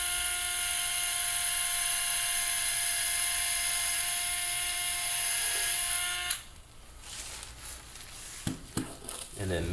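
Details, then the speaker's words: Surgical power drill whines steadily for about six seconds into bone, then instruments clink, while drilling the distal row of locking holes to engage the anterior lip during anterolateral distal tibia plate fixation. "we will begin first with drooling the distal row again these will engage the anterior lip"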